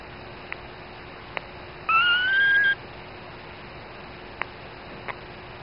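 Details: A single thin, rising squeak under a second over quiet hiss with faint clicks: the very first squeaks of a newborn female dachshund puppy, her mother's first baby.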